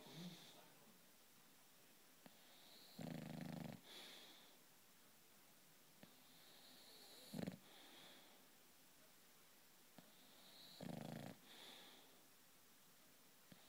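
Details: British bulldog snoring while asleep: three loud, rattling snores about four seconds apart, roughly 15 breaths a minute, in a quiet room.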